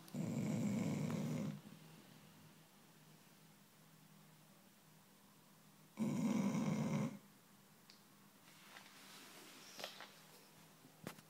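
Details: Chow chow dog snoring very loudly: two harsh, rattling snores about four seconds apart, with quiet room noise between.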